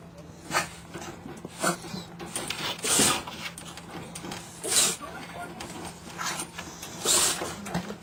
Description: chihuahua dog sneezing